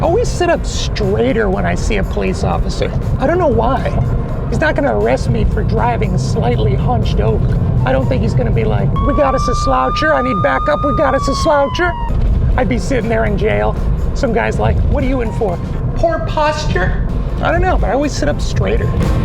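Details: Adult man whose voice never changed after puberty, high falsetto since childhood; can hold a deeper voice only a minute or two; no voice therapy chosen; mutational falsetto (puberphonia).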